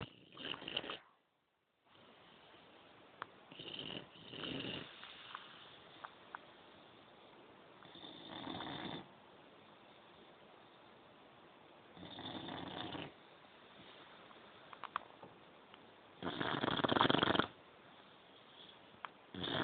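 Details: Sleeping dog snoring lightly: soft raspy breathing noises coming and going every few seconds over quiet room hiss.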